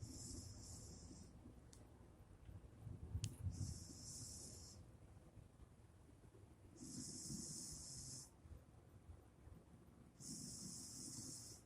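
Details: Repeated noisy breaths about every three seconds, roughly 19 a minute, each with hissing airflow and a low rattling rumble; Frank snoring.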